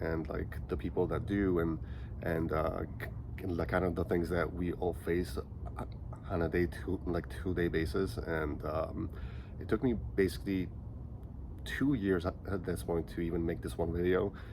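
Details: Stuttering in a 37-year-old man who has stuttered since age five; he says he is slightly more choppy here from nervousness.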